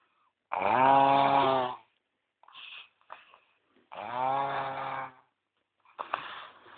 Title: NGOROK TERLUCU.3gp